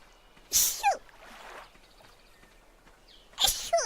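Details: Two sharp, high-pitched sneezes from an adult woman who said her nose was itchy, each with a brief breathy lead-in, about three seconds apart over quiet room noise; sneeze.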